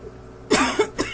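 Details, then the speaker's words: Two or three harsh, dry cough bursts in quick succession: an adult's persistent cough, which the doctor thinks is allergy-related cough variant asthma; an allergy pill helped only a little. "So he says he thinks it's something called cough variant asthma, caused a lot by allergies, believe it or not."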